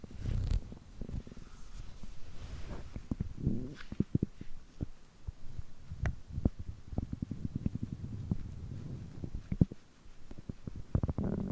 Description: On days when I eat too much, my stomach keeps groaning like this for more than 3 hours.